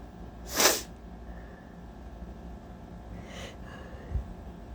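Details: Allergy sneezing on a very hot day: one loud, sharp sneeze, then a softer second sneeze a few seconds later.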